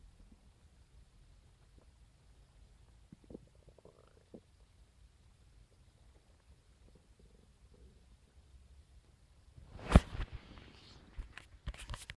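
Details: Morning stomach growling (borborygmi) on waking, recorded with a phone: quiet low gurgles and groaning rumbles, then a louder burst of rumbling near the end.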